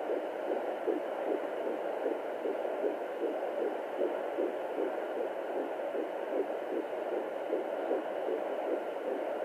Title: What a heartbeat sounds like at 14 weeks pregnant